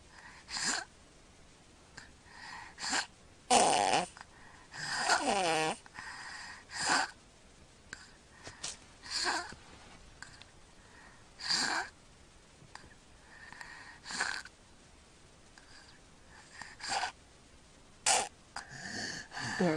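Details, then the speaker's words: Snoring, mouth-breathing infant, not congested: irregular, noisy breaths with sudden harsh gasps after pauses; preceding breaths moved no air into the lungs. Gasping recovery from obstructive apnea. "goes saw that no he's gasping for air the breath he took beforehand he was actually not getting anything into his lungs"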